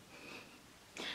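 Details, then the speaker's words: A sleeping female companion snoring, heard in the background of an indoor recording. "I often have to give her a nudge in the night because she keeps me awake with her snoring."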